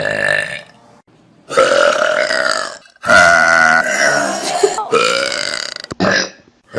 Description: The best burps on vine.